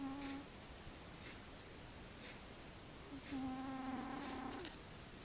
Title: Frici cica horkol :D Cat snoring by Frici :-D